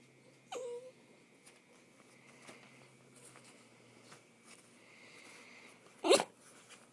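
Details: Small dachshund that whines for attention, sneezing in allergy season: a short high whine, then after a few quiet seconds a sudden sharp sneeze.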